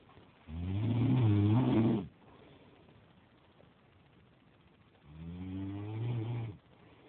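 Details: Boyfriend snoring while asleep: two loud, deep, rattling snores on breathing in, separated by a quiet pause; ordinary snoring.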